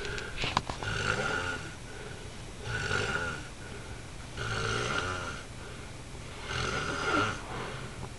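Rattling, buzzing breath sounds recur about every two seconds, with quieter gaps between them, in a small quiet room: snoring.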